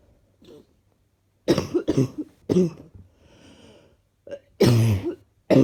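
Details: Slightly chesty cough someone woke up with in the morning.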